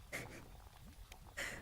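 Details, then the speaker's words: Adult's brief, soft, hissing burst of air during a quiet spoken ASMR recording, a small stifled sneeze. "I hope that wasn't too loud. Thank you. Thank you. Thank you. Sneeze in the distance."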